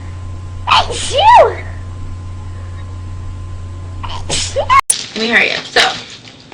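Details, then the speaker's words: An audible in-breath, then a sharp sneeze and a second sneeze burst, with brief voices around it. "so oh wait okay I think I need to sneeze hey coer okay um I have to sneeze allergies me his bless you bless you God bless you God bless you"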